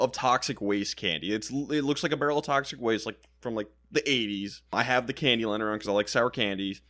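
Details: Adult male speaker; Normal speech.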